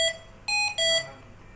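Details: Three short electronic alert tones from a Hamilton transport ventilator during an inspiratory hold, breath held at full inspiration for maximal chest expansion.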